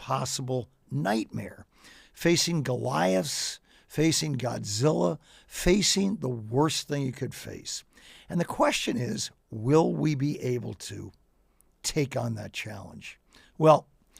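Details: Adult man with ALS diagnosed four and a half years ago, advanced and nearing end stage: onset right calf, spreading through legs, core, arms and hands, now neck deep with difficulty speaking and breathing; speaks using a ventilator; dysarthria in amyotrophic lateral sclerosis.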